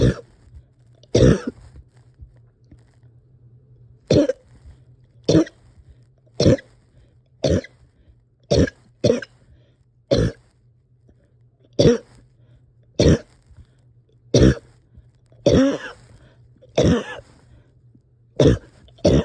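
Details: Repeated harsh single coughs, about 16 in 19 seconds, irregularly spaced, with breathing struggles and difficulty resting or getting comfortable; quiet room with low hum.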